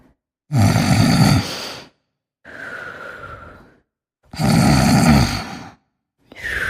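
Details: Sleeping snorer: loud rough snores on each breath in, with quieter breaths out, about three cycles in seven seconds; ordinary snoring.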